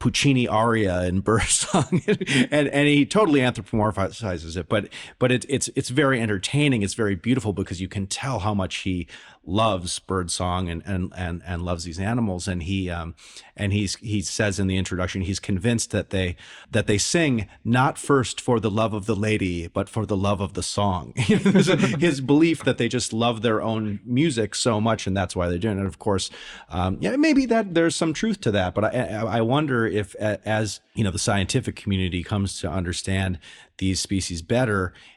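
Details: Adult male speaker; normal conversational speech.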